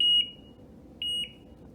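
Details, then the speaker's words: Two short high-pitched electronic beeps about a second apart from an ergometer's patient coach, an audio alternative to the light indicator guiding pedaling at 60 rpm; ergometer pacing beep. "there's also a volume adjust so this is gonna have like a beep you can use this instead of the light indicator"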